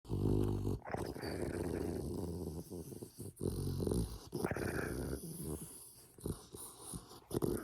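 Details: Sleeping dog with loud, irregular snorting and throaty growl-like rumbles, short pauses between noisy breaths; heavy, unusual snoring the owner had never heard from this dog before.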